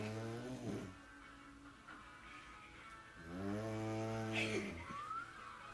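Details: Habitual loud snoring: two loud, buzzing, low-pitched snores on drawn-in breaths, separated by a quiet pause in a small room.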